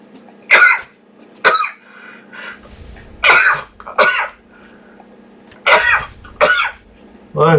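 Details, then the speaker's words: Repeated sneezing while gaming: about seven short, sharp, explosive bursts, mostly in pairs, that sound cough-like but are sneezes, over quiet room hum. "me bless me was that a lot of sneezes or what i know it sounds like coughs when i watch the replay i'm like holy [ __ ] i look like i'm coughing no wonders everyone says i'm coughing it's like no it's actually my sneeze"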